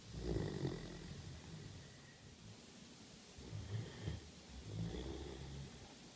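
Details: Great Dane, a large female dog, snoring while asleep: deep, rumbling, noisy breaths over steady room noise.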